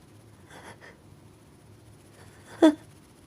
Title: Build up and a powerful sneeze at the end